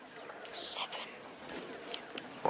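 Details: Acted TV drama scene: boy aged about 10-11 barely able to speak for a few months, no physical cause found, diagnosed as hysterical dysphonia linked to parents' breakup; functional (psychogenic) dysphonia with whispered voice.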